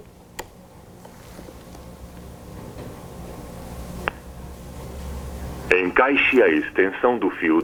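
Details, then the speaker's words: Portable cardiac monitor switched to AED mode in an emergency ambulance service demonstration: quiet room hum and clicks, then a tinny, narrow-band synthetic voice prompt identifying itself and guiding actions; AED voice prompts. "Observe ele tá falando comigo usando uma linguagem bastante didática então ó eu vou desligar e ligar de novo só para a gente ouvir que mesmo sendo um monitor ele vai assumir uma função e vai falar se identificar orientar as ações conforme um bem a mesma"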